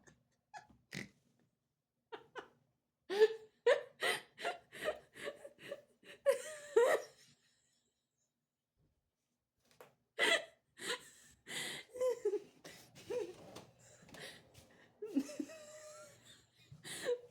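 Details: Dog at bedtime gives runs of short, squeaky, snorting breaths with brief whistling tones, consistent with wheezing.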